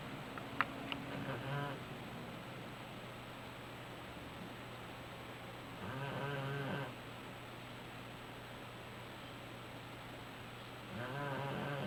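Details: Sleeper snoring like his father: three rough, rattling snores about every five seconds over a steady room hum; ordinary snoring.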